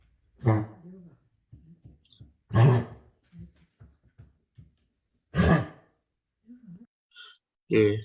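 Three loud, harsh cough bursts from a dog, with softer grunting breaths between them; a pathological cough linked to airway narrowing.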